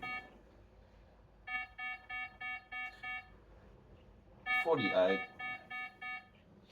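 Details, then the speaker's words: Pulse oximetry monitor low heart rate alarm in a woman with 22q11.2 deletion during seizures and dystonic storm: repeating bursts of beeps with brief voice noise, heart rate dropping to 47, a first-level alarm; SpO2 98. "This is a first level alarm. It's only below the 40, but I'm going to get significantly concerned. We have two sets of alarm levels for heart rate."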